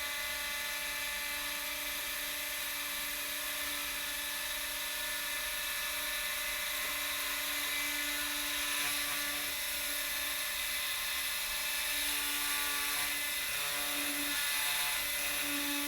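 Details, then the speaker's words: Lapidus procedure for hallux valgus, AO workshop: straight oscillating saw removing the medial eminence of the first metatarsal head, cut about three centimeters deep; steady high-pitched motor whine of the power saw cutting bone. "a straight saw can now be used to remove the medial eminence the depth of the joint and cut is approximately three centimeters and the saw blade should be that long"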